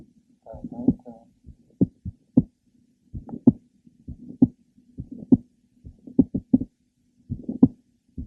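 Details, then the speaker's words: Apex of a woman with mitral valve prolapse, symptomatic palpitations (skips, especially lying down); irregular rhythm with frequent premature ventricular beats and a series of sharp clicks in mid to late systole. "you could detect her frequent premature ventricular beats and her series of clicks that were heard in the mid to last part of cyy"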